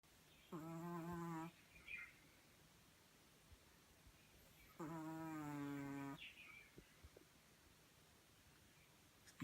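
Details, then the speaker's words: A small dog snoring: two long, buzzing, tonal snores several seconds apart, each followed by a soft breathy exhale. Snoring. "жорик-то храпишь ты знаешь об этом"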